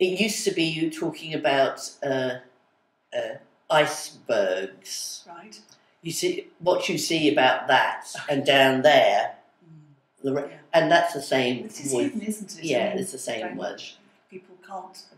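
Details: Aphasia with sudden onset in an adult woman, who woke up one day unable to speak and has word-finding difficulty, especially with numbers, months and colours; attends speech therapy communication group.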